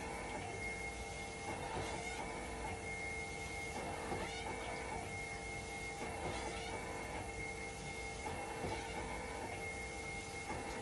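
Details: Hemodialysis machine under test for a failing 5-volt level detector, waiting for conductivity and temperature to stabilize, conductivity slow to drop: continuous mechanical hum, steady tone, and recurring pump surges every couple of seconds.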